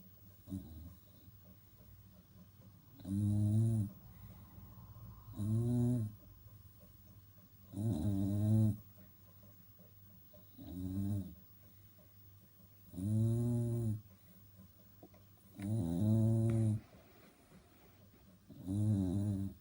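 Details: Dog snoring: loud, deep, rumbling snores, about 23 a minute, with quiet breaths between.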